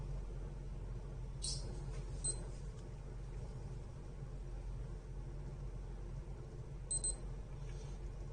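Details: Dr Trust glucometer giving a short high beep as the test strip is inserted, then a double beep, while taking the third of three back-to-back home blood glucose readings from the same finger; the reading came out 98 mg/dL.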